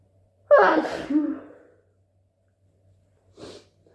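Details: Induced wet sneeze: one loud, wet explosive sneeze, then quiet, then a short soft nasal sound like the start of a nose blow.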